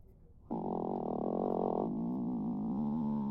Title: Stomach Growl